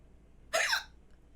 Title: Beautiful her hiccups